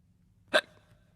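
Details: Single short voiced hiccup-like catch during a read-aloud of a children's story about hiccups, against quiet room noise and faint music; hiccup.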